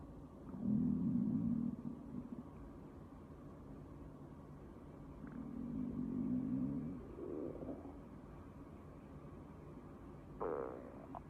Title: Stomach growl: Twitter find 2